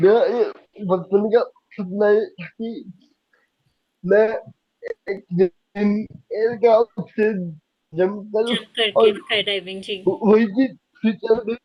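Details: Man with cerebral palsy since age 2, attributed to lack of oxygen at birth, who as a child could not speak, walk or write and reports that speaking takes double effort and is unclear; dysarthria due to cerebral palsy.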